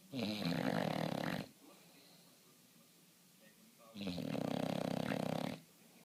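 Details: Sleeping subject snoring: two long, rattling, fluttering breaths about four seconds apart with quiet gaps between; loud snoring during sleep.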